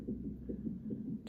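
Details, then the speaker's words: Fetal heartbeat of a baby girl on the monitor at 33 weeks 6 days of an IVF pregnancy, mother due for induction that night: rapid, regular Doppler whooshing, roughly 150 a minute. "and as you can hear approximate times 805 pm as you can hear the baby on the monitor her heartbeat"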